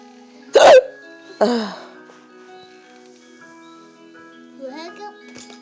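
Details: Hiccups that had lasted a few minutes before recording: two abrupt, voiced hiccup sounds a second apart, then a faint squeak, over steady background music.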